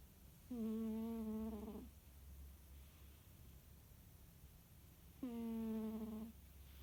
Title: Annie the tabby cat snoring and dreaming